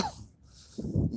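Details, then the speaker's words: Adult man coughing to clear his lungs, which he says cold morning air and walking helps: a brief, low, throaty cough burst after a quiet moment; cough. "as you can hear I'm trying to cough up some [ __ ] clear my lungs out a little bit"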